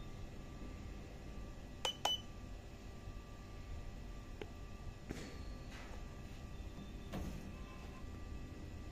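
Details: Syringe pump SP1 being operated: a few sharp keypad beeps and faint clicks over quiet room hum, with a soft mechanical whir.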